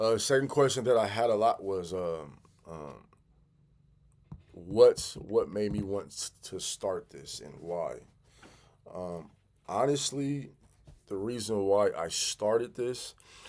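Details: Adult man who has stuttered since childhood and still stutters 'big time', sometimes having to stop and regroup; stuttering.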